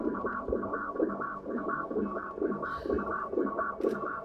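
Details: Steady, regular heartbeat heard through a stethoscope over soft music: a heart transplant recipient with prior cardiomyopathy and aortic valve replacement, as the donor's mother listens to her late son's heart; normal heart sounds.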